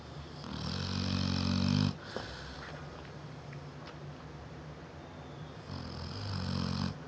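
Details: Deep, loud, vibrating snores with a whistling edge, two breaths about four seconds apart: a 7-year-old female Neapolitan Mastiff snoring while sleeping, loud enough to be heard through the whole house.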